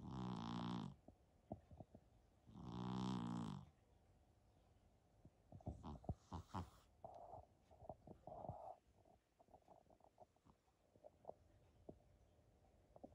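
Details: Two loud, rumbling, buzzy snores about two seconds apart, then quieter snuffles and clicks from a sleeping Persian cat napping: snoring.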